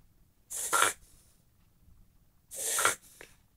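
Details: Whippet (sighthound) reverse sneezing: two sharp, noisy snorting bursts about two seconds apart, rapid forceful inward snorts through the nose.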